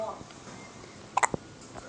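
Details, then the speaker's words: Infant girl with hiccups: a quick pair of short, sharp hiccup sounds over quiet room noise. "for baby girls got hiccups they help grandma"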